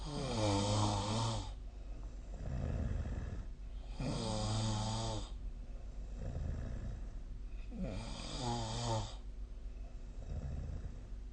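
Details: Loud, low rumbling snores about every 3.5 seconds during sleep, each a rough vibrating inhalation with a quieter breath between; heavy snoring, recorded with a snoring app.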